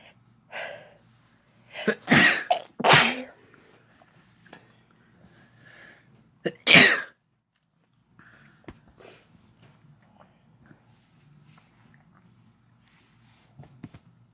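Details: Sneezing, no talking, from a female and male recording: several loud explosive sneezes with sharp inhaled build-ups, then quieter sniffs and breathing.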